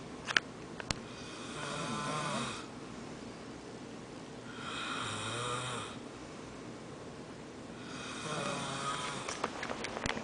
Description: Someone's snoring =o